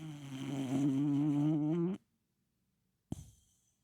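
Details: Tiny dog snoring: a single deep, buzzing, rumbling snore lasting about two seconds, likened to a middle-aged man snoring, then quiet and a soft thump.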